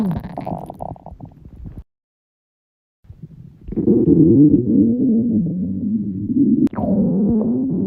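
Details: Girls' stomachs growling loudly from hunger: drawn-out gurgling growls with a pause between them; empty-stomach borborygmi.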